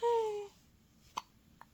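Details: A newborn with hiccups while passing stool: a brief squeaky voiced catch, then two soft throat clicks; infant hiccups.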